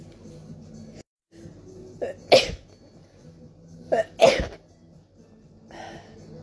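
Two sharp sneezes, each preceded by a quick indrawn breath, with faint room noise between them; ordinary sneezing.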